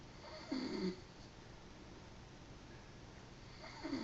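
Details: Adult man (father) snoring in sleep: two short, buzzing snores about three seconds apart with quiet breathing between; snoring.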